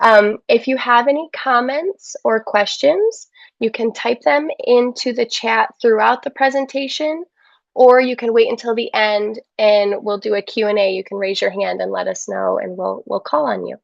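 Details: Adult woman; typical speech.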